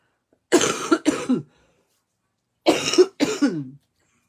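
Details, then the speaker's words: Adult coughing on a live stream, cough ongoing since the weekend (started Saturday evening), speaker suspects bronchitis; two clusters of harsh, voiced coughs, each two or three bursts, separated by a pause in a quiet room. "je tousse beaucoup mais là je pense que c'est ça c'est une branchette on va prendre notre autre papier design qu'on va venir coller à l'intérieur commence comme ceci."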